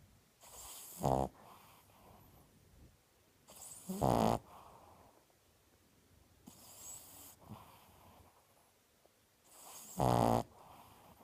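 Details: Loud rattling snores on each inhalation, about every three seconds (roughly 20 breaths a minute), with soft exhalations between.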